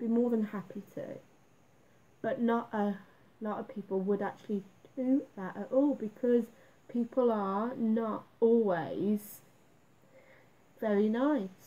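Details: Female adult speaker living with a stammer that she reports worsens with stress and for which she does speech exercises; stuttering.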